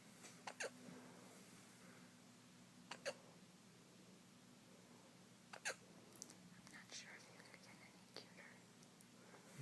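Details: Infant boy's hiccups: soft, sharp hiccups every few seconds, about four in ten seconds, over a quiet room hum.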